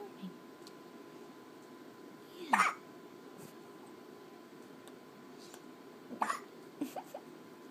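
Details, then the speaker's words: Baby hiccuping with mother at 3 in the morning: a few short, abrupt catches of breath at irregular intervals in a quiet room; hiccups. "There's the time. 3 o'clock and we're hiccuping. And we're hiccuping."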